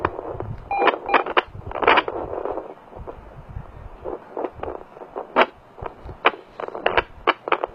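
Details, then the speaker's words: Fetal heartbeat on an at-home fetal Doppler with gel; scratchy probe noise gives way to fast rhythmic whooshing pulses, displayed as 147 beats a minute. "it shows you shows you the the baby's heartbeat you can hear it um shows you the Beats for a minute"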